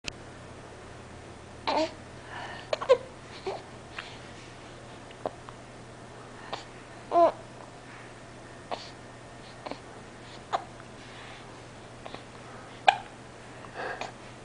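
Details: Infant girl with hiccups: repeated short, sharp hiccups about every one to two seconds, with soft baby vocal sounds between them, in a quiet room.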